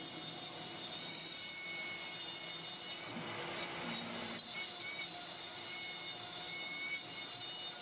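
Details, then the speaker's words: Quiet, steady high-pitched whir and hiss with faint scraping from a dry dental milling machine cutting zirconia with fine burs under continuous built-in vacuum evacuation; dental milling machine. "a dry Mill and it's being evacuated the whole time it's got a like a vacuum cleaner inside to capture all the bits and pieces but it's really deadly accurate"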